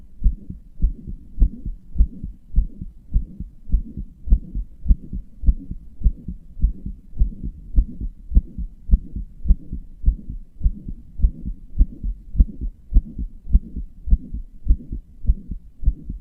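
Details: Heart murmur: regular heartbeat at about 103 beats per minute with a soft whooshing sound filling the gaps between beats; the person describes their own heart as weak and inefficient, murmuring and palpitating.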